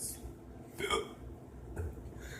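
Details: An adult with hiccups gives a single sudden, sharp hiccup: a brief voiced catch in the throat against low room noise.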